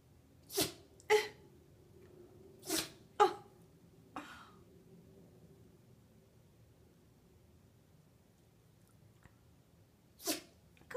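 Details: Five quick sharp sneezes, a pause, then one more, from a Yorkie dog in a quiet room, which the owner attributes to allergies; repeated sneezing.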